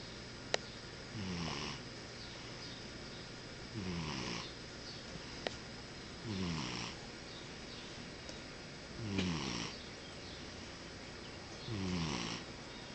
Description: My cat, Church, snoring while half asleep.